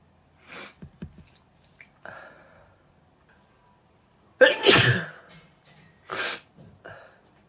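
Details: Deliberately induced, messy sneezes: a few soft sneezes, then one loud wet sneeze with smaller ones after, in a quiet room.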